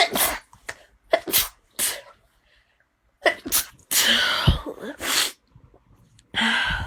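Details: Run of loud, explosive sneezes, each a hissing burst of air with short pauses between; a woman sneezing three times.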